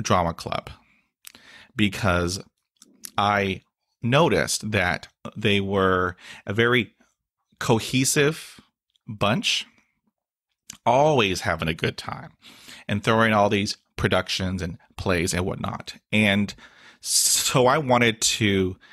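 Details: Stuttering in an adult male with blocks, facial tics and years of speech therapy; word and interjection repetitions are heard.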